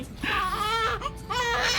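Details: Newborn girl in hospital: high, wavering cry in two short wails; ordinary newborn cry, parents wondering if she is hungry.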